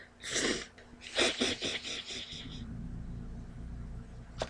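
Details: An adult woman reading aloud tries to hold back her sneezes: one sharp sneeze, then a quick run of partly stifled sneezes, with faint room hum.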